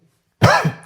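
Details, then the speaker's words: Adult man unwell since a fever last Saturday, with sore throat, phlegm and cough: single short, voiced, phlegmy, rough throat-clearing cough. "Sorry video ಮಧ್ಯ ಮಧ್ಯದಲ್ಲಿ ಸ್ವಲ್ಪ ಕೆಮ್ಮುಗಳು ಬರ್ತಿರಬಹುದು ದಯವಿಟ್ಟು adjust ಮಾಡ್ಕೊಳ್ಳಿ actually ನನಗೆ ಆರೋಗ್ಯ ಸರಿ ಇಲ್ಲ"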